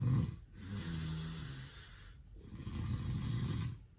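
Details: Heavy snoring during sleep, tagged as sleep apnea: two long, deep, rattling snores with a brief pause between.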